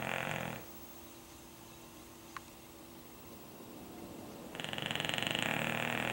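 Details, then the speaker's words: English Bulldog asleep perched on pillows on the sofa, snoring like an old man: two rattling snores separated by a quiet pause of about four seconds, faint room noise. "Perched on its pillows on the sofa, snoring like an old man."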